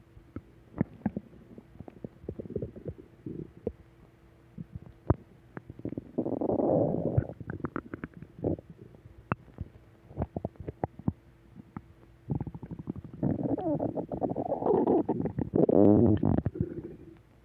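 Irregular low gurgling rumbles and bubbling clicks, with two longer growling bursts; ordinary stomach growling from gas and fluid moving through the gut.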